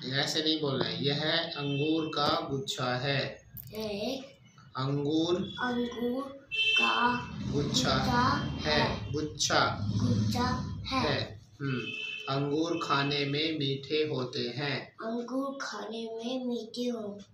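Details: Adult therapist; typical speech.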